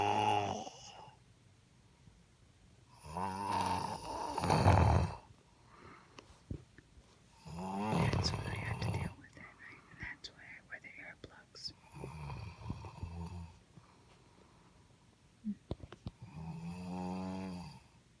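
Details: Loud, rough, rumbling snores repeating about 14 times a minute, with quieter breaths between them; heavy snoring.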